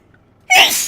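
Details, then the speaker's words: A single sharp, explosive sneeze after a brief quiet moment; the sneezer attributes sudden allergies to too much exposure to cat. "Oh, there's that sneeze."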